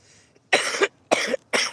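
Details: Cough.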